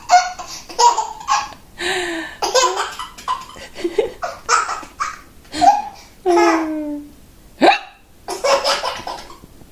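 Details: 9-month-old baby laughing at his mother's hiccups: belly laughter broken by sudden short catches of breath that fit hiccups.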